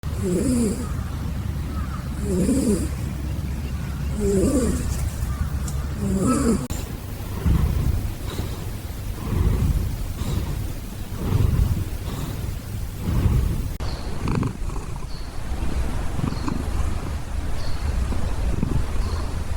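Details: Orange tabby cat sleeping deeply and snoring: low, rumbling snores about every two seconds, about 30 a minute, fading into quieter breathing.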